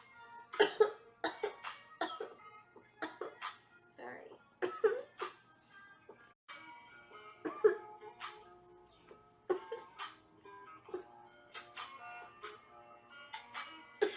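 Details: A run of short, repeated coughs from a young woman with music playing in the background: cough.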